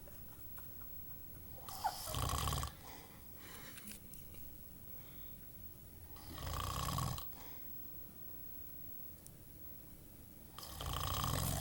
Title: DeeDee is snoring again